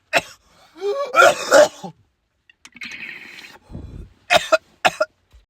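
An adult, acting for comedy, gives a harsh throat-clearing groan, a wheezy rasp, then several short, explosive coughs. This is an acted cough.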